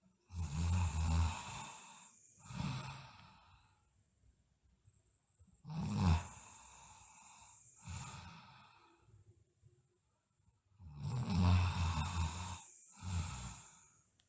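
Slow, noisy sleep breaths about 11 a minute, each a long rough inhalation fading out: snoring.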